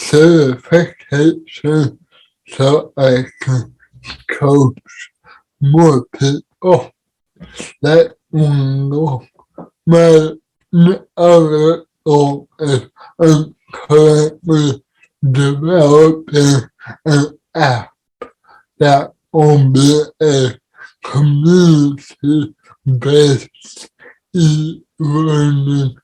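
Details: Dysarthric speech in an adult man with cerebral palsy, speaking as a podcast guest.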